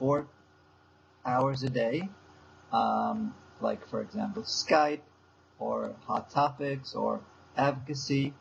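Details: Adult man with aphasia since a stroke seven years earlier, still in speech therapy four times a week. Aphasia.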